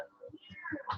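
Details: Home video of a child with a functional habit cough (somatic cough syndrome), coughing at least once a minute while playing and talking.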